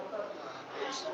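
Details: Bilateral sulcus vocalis deformity with glottic gap; breathy and very rough voice (sulcus vocalis).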